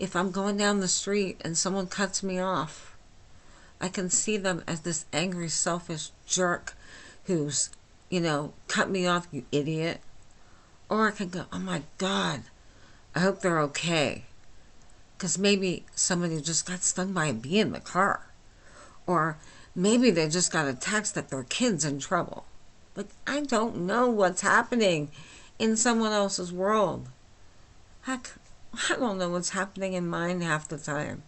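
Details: Flaccid dysarthria in an adult woman with myasthenia gravis since age 8, speaking without her usual speech appliance; she says she is understandable but not perfectly.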